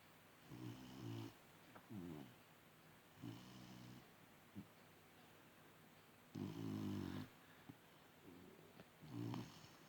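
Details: Sleeping animal in a 30-second snoring session: short rattling snores with breath sounds between, uneven in timing and loudness; snoring.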